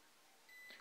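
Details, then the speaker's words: Heart rate monitor: a single short electronic buzzer beep over quiet room hum, signalling each new reading from a pulse sensor held on a finger; student-built NodeMCU/Arduino system with an LCD display, reading about 85–90 bpm. "عندنا هنا تحت هنا البزر ده بيديني انديكيشن او بيديني بيطلع صوت كل ما يخرج قراءة."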